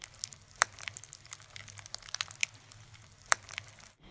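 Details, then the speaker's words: Subcutaneous crepitus from air under the skin of a child's chest wall, described in pediatric emergency training: fine, irregular crackling and crunching like crumpling paper. "crepitus is something very specific and will happen if air develops under the subcutaneous tissue in the child's chest wall"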